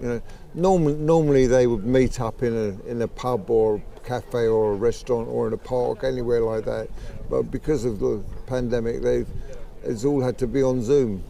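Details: Late-onset stammering in a man aged 63, developed at about age 63 about 15 months earlier, thought to be related to his Parkinson's disease of 15 years; worse when emotional, excited or talking fast; sees a speech therapist.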